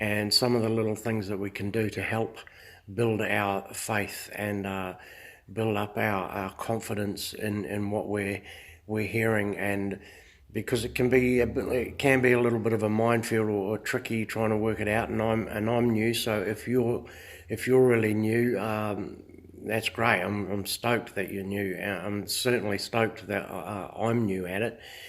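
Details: Adult man who says he stutters a little; mild stuttering.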